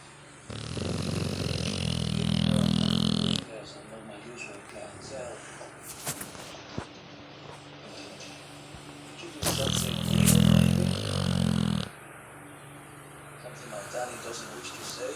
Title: dog snoring so loud